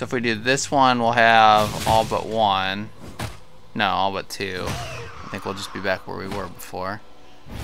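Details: Adult male speaker; speech.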